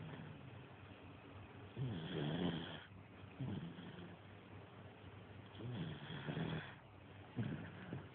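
Low, rumbling snores with breaths in, about 15 breaths a minute, with a few irregular snorts; ordinary snoring.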